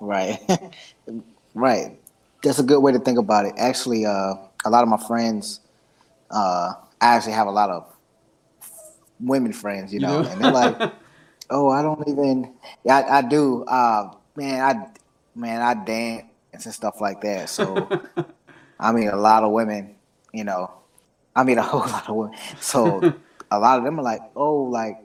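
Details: 33-year-old man who has stuttered since early childhood; severity varies from 2 to 10 with emotions and stress and is worse when meeting new people; repetitions and blocks with body movements and a bad tic; stuttering.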